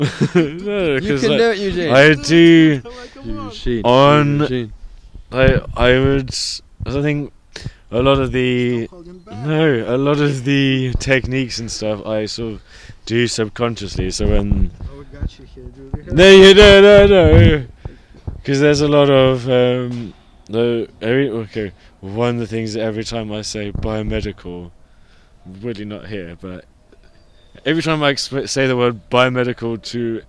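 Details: Adult person who stutters, with blocks, reporting bad speech days over the last few months; stuttering.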